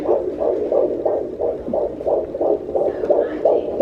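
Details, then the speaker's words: Fetal heart tones on Doppler, slowing after fetal movement from about 160 to a baseline of 149 beats a minute: fast, regular galloping whooshes; a normal fetal heart rate. "Starting to slow down a little bit. There we go. And there's his baseline. So he did exactly what I would expect him to do. He sounds great. Baseline's 149."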